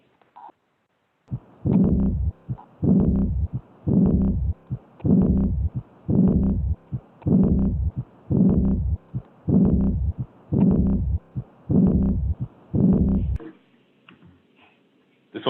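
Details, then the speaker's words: Pediatric patient, infant after first-stage repair of hypoplastic left heart, routine visit: regular heart cycles, normal S1, then a harsh diastolic decrescendo murmur after S2 fading through diastole. "i'm seeing diastolic yes this is a diastolic murmur"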